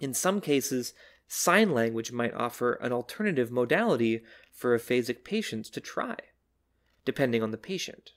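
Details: Adult male speaker; normal speech.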